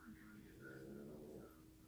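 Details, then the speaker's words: Very low, drawn-out droning snoring from a sleeping ten-year-old pug around midnight, heard faintly in a small room. "and he is snoring very low so you'll probably hear him in the video he is about ten years old and he is a pug"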